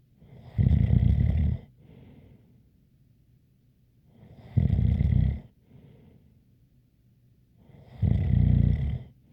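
Three loud, rough inhaled snores about 3.5 seconds apart, each followed by a soft breath out, with a faint high whistle in each snore.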